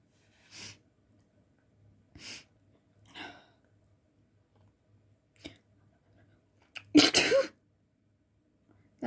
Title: Uncovered messy sneezes.